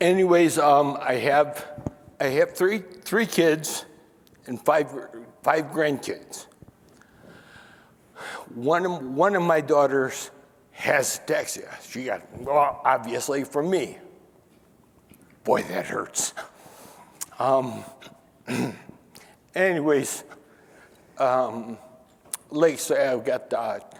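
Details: Man nearly 68, diagnosed with spinocerebellar ataxia in 1995 (about 28 years earlier); stopped singing and DJ announcements, mispronounces names, and says he forgets what he is saying and rambles. Finding: ataxic dysarthria.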